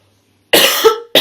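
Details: Woman with a lingering bronchitis from the previous week coughing: cough.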